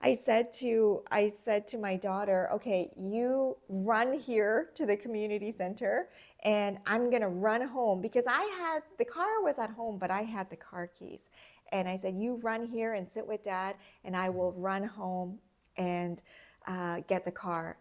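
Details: Adult woman speaking; ordinary fluent speech.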